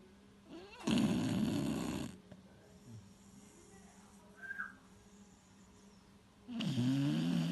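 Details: A 3-year-old male beagle, said to be the loudest snorer in the family, snores while sleeping. Snoring.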